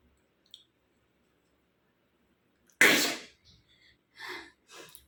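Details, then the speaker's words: Woman doing a sneezing challenge, tickling one nostril with a handkerchief corner: a single loud sneeze after a quiet lead-in, followed by sniffs and breaths; an induced ordinary sneeze. "इस वाली नाक में जल्दी आती है। एक बार और try करते इस वाली नाक में।"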